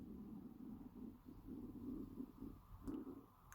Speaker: can you hear that that's my tummy guys I've not had breakfast yet